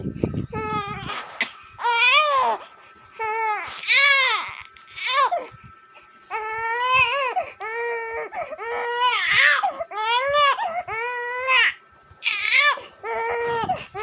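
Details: A baby cries in repeated rising and falling wails separated by short breaths: typical infant crying.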